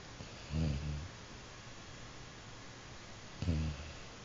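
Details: Jack, "Mr. Snores-a-lot", snoring: two low, rumbling snores about three seconds apart against steady room hiss; ordinary snoring.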